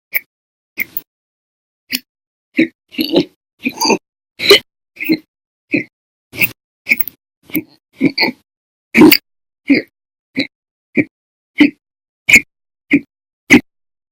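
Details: Audio-only recording of violent, very loud persistent hiccups: sharp loud hiccups about every half-second to second, around 20 in fourteen seconds: persistent hiccups.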